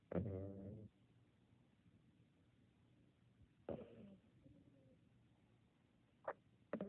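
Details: Light snoring: two soft snorting snores a few seconds apart and brief clicks, in a quiet room.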